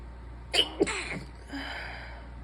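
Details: Two quick stifled sneezes close together from a sick, seated person with the device propped in their lap, hands-free without pinching the nose, followed by a breathy exhale; sneezing.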